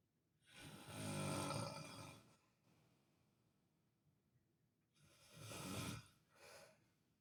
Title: daddy snoring funny while visiting hospital funny nurses heard this when they came in